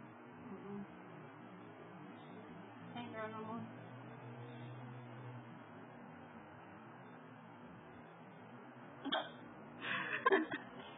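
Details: Hiccups in a person who keeps hiccupping despite trying to stop.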